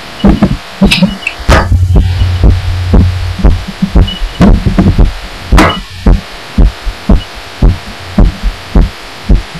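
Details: Own heartbeat felt and recorded through a pillow while lying down, audio boosted: loud muffled thumps at about 110 a minute, slightly uneven spacing, cloth rustle; gets odd toward the end; recorder wonders if arrhythmia.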